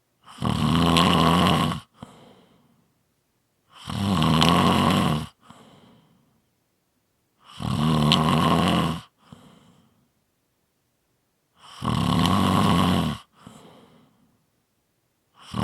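Loud, low rattling snores on each breath in, about 16 a minute, each followed by a soft breath out and a pause.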